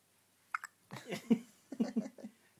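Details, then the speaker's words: Two quick, sharp catching sounds close together, then softer voiced sounds in a quiet room, as the subject is suddenly caught by hiccups; hiccups. "have you got the hiccups?"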